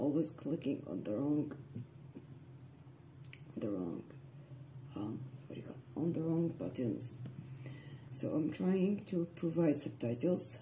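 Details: Spasmodic dysphonia (vocal dystonia, focal) in an adult woman who also has generalized dystonia, reading aloud; she reports sudden voice breaks or loss, strained voice, worse in the morning, tension spreading to chest and breathing.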